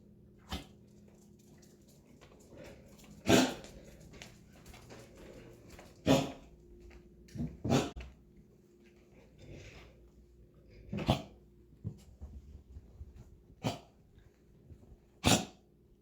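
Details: About seven short, sharp, separate coughing bursts from a dog, with quiet pauses and faint snuffling in a quiet room; dog cough.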